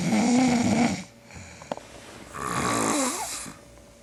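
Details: Two loud rattling snores on breathing in, separated by a quieter pause, in a sleeping man who snores loudly enough to wake himself; uploader suspects borderline sleep apnea; snoring.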